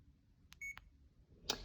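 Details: CADD infusion pump keypad beeps, a few short key beeps and one sustained tone, while programming PCA mode (concentration 1 mg/mL, continuous 1 mg/h, bolus 3 mg entered); faint room noise.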